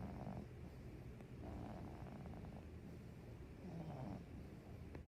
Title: Baby snoring for 1 minute (girl not boy stop saying its a boy)